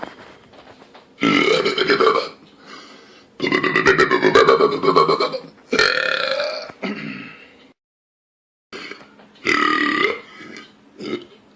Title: Loud Burp Compilation 6